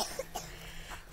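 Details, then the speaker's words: Family member coughing at home, heard during an outdoor walk to a lake; household has been stuck at home. "we've been stick at our house if you can hear the coughing so it's nice to get some sunshine"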